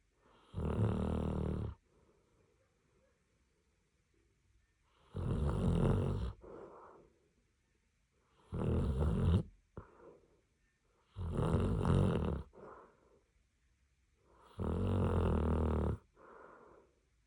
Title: Dreaming and snoring Doggo #samoyed #doglife #doggo #dogshorts #funny #funnyvideo #cute #cutedog